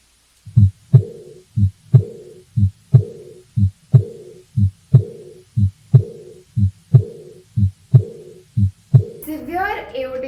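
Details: Heart murmur: a regular heartbeat near 60 a minute with a whooshing murmur after each second sound, an abnormal finding.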